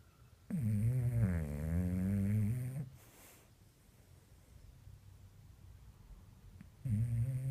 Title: Funny Bulldog snoring